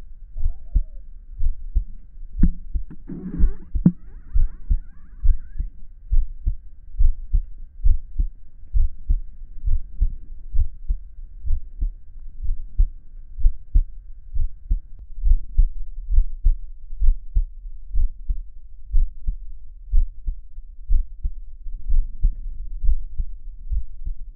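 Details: Steady, regular low heart thumps at about 67 beats a minute from an adult male listening to his own heartbeat: a normal resting heartbeat.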